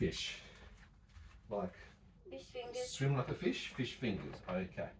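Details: Adult woman with 22q11.2 deletion syndrome and Tourette syndrome; carer describes vocalised tics during a period of motor tics and early dystonia; vocal tics.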